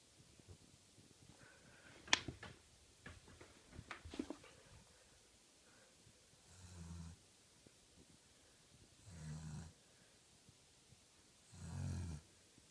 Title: Angus - snoring Cavalier King Charles - sleeps like a human!